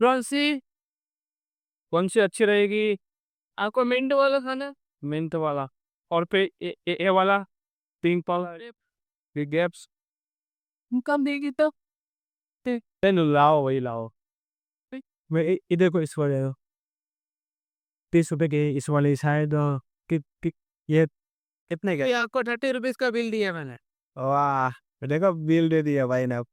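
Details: Stuttering in an adult male on day 27 of a stammering-control programme, using pausing and pacing techniques; background-noise removal applied to the recording altered his voice.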